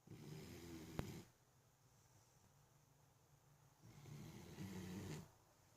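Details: Two long, rough buzzing snores separated by a quiet pause, a loud rattling snore on the in-breath; snoring likened to a chainsaw.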